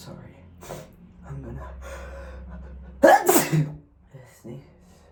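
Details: Soft breathing builds to one forceful, wet sneeze, followed by a few faint breaths (M); sneezing.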